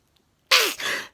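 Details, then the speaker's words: A habitual sneezer, suddenly sneezing again just before bed, records on a phone: a single sudden, hissing burst of air after silence; one sneeze. "just before bed i would start sneezing again uh i'd nearly nearly finished putting everything away i was just about to turn the lights off to go to bed started sneezing i quickly grabbed my phone"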